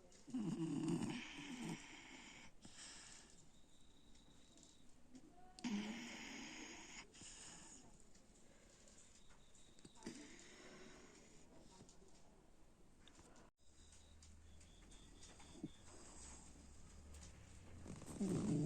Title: snoring